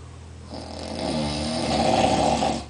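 A single loud, rattling snore on a breath in, building in strength over about two seconds.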